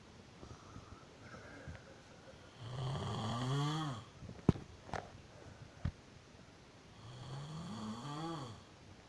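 Two loud, low rumbling snores on breathing in, about 4 seconds apart, with faint clicks between them in a quiet room; ordinary snoring.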